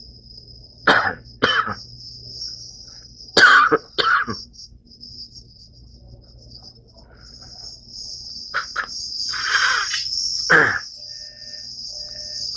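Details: Adult with a dry cough, described as an asthma attack: repeated short, harsh coughs with no mucus rattle, against steady insect chirping.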